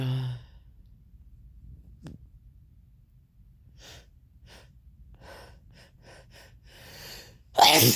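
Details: After drinking red wine, a quiet stretch, then quick, building breathy inhalations end in one loud, explosive sneeze; sneezing.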